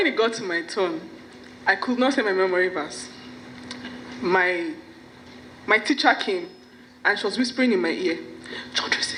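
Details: Stuttering in an adult woman whose stammering began at about age five or six; her parents and sisters also stammer.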